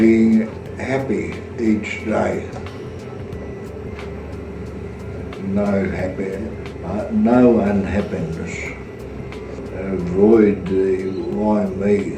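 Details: Australian adult with aphasia; speech is fragmented into short broken phrases with word-finding pauses. Finding: aphasia.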